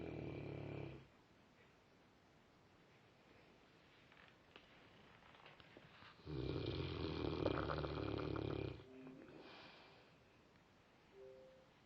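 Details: Dog snoring very weirdly, described as sounding possessed: loud, rough rattling snores on slow breaths with quiet gaps and a faint whistle; snoring.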